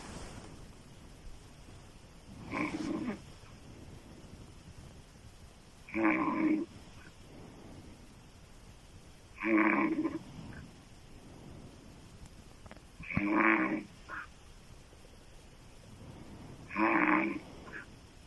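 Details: Woman's loud, rough open-mouth snoring, described as sounding like a man's: five snores at regular intervals, about 17 a minute, with quiet breathing between.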